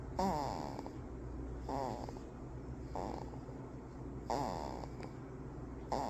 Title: Adorable 1 month old baby snoring 😴. #shorts